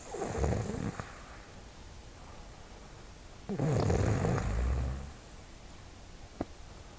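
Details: Person snoring: two low, rattling snores about three seconds apart, the second longer and rougher, over faint room noise.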